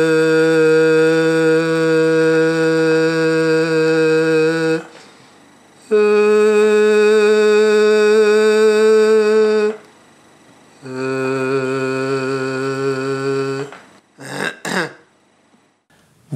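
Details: Videostroboscopic recording showing a normal larynx; normal phonation.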